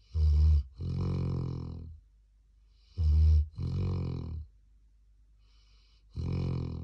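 Deep, rumbling snores in repeated two-part breaths, a short snort then a longer rattle, about 20 a minute. This is a young dog snoring.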